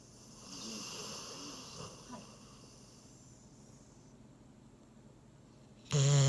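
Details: Labrador Retriever deeply asleep after a meal, leaning on its owner: soft, low rumbling snoring, then a quiet stretch before loud television sound cuts in at the end.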